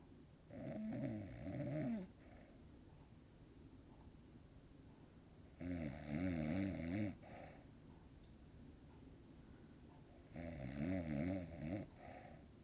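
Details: Mother snoring in sleep at 3 am: three long, rattling snores on breathing in with a softer puff on breathing out, about five seconds apart; ordinary loud snoring.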